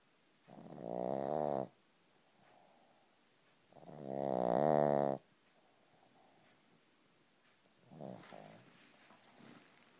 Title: A pug snoring on my foot